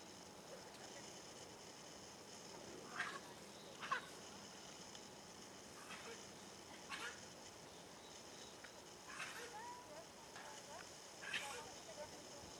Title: Bighorn sheep coughing MOV012